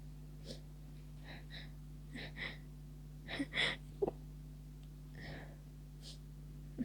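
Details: Near the end of a cold and feeling better, but tickling sneezes persist: several soft, muffled sneezes with quick catching breaths over a steady hum; repeated stifled sneezing attack.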